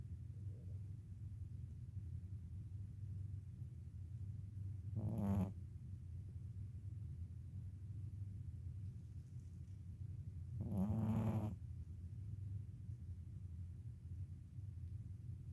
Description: Luna just snoring is hilarious to me